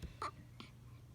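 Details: Hiccups in an infant: two brief, abrupt catches of breath about 0.4 seconds apart over a low room hum.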